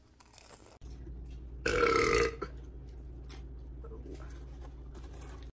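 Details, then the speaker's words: Woman burps after saying she has to: one loud, drawn-out burp lasting about half a second over low room hum. "oh God excuse me guys I have to burp guys oh hell yeah that was good"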